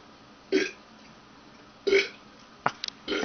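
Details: Person burping: two loud, croaky burps about a second apart, then short throat clicks and a third burp starting; ordinary belching.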